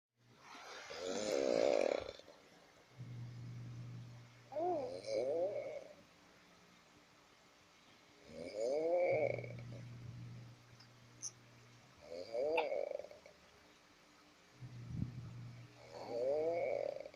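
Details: Sleeping adult man (father) snoring: loud rattling snores on each in-breath with quieter low exhales between, about 14 breaths a minute; ordinary adult snoring.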